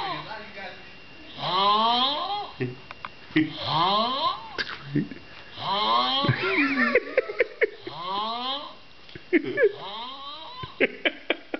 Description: I've never heard anyone snore like this!!